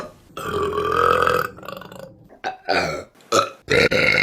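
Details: Women belching in a burping compilation: a long, loud belch followed by several shorter burps in quick succession.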